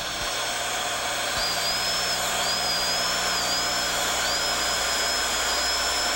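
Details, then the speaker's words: High-speed dental drill bevelling the occlusal line angle at 30–45 degrees, mesiodistal sweeps, preparing a mandibular left second primary molar with gross caries for a stainless steel crown, under rubber dam: steady high whine changing pitch with light strokes. "Sweep the burr mesiodistally, maintaining an angle of 30 to 45 degrees, and extending the bevel slightly onto the proximal surfaces."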